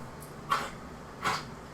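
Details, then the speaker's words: Young shelter puppy with kennel cough, not yet neutered; two short, harsh, honking dry coughs, gagging like he'll throw up or a hairball, happens while eating or playing with toys. "He's got kennel cough, so he couldn't be neutered. It's a thing that dogs get from being in a shelter."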